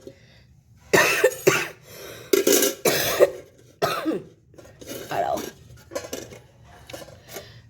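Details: Adult woman with severe, persistent cough she says is unbearable: about five harsh, forceful cough bursts in quick succession, with quieter throat sounds between; repeated hacking cough.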